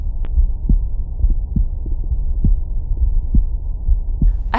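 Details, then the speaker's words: Own adult heartbeat heard in real time through a tiny handheld Stemoscope digital stethoscope paired to a phone app: steady low thumping at about 69 per minute with no added whooshing; normal heart sounds. "I find it really relaxing even just making a recording of your heart sounds it just helps to set the tone helps you get to sleep it really helps to relax you"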